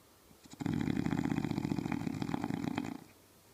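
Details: Bulldog snoring loudly: a single long, loud, rattling snore lasting over two seconds, with a coarse fluttering vibration; snoring.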